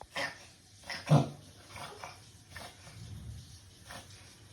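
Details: Dog gasping for air: repeated short, noisy, harsh breaths.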